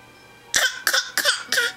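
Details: Young child's coughing fit: four quick, harsh coughs in close succession over faint room hum.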